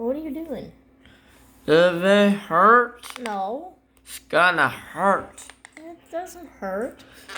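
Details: Woman speaking; ordinary speech.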